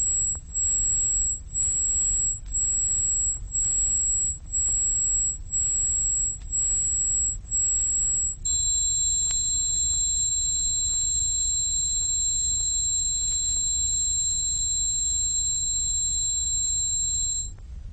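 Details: Simulated tinnitus made on an electronic music synthesizer, from 1970s RNID London research; it represents patients with moderate to very loud tinnitus. A high pulsing whistle at about three pulses a second is followed by a steady two-tone ringing.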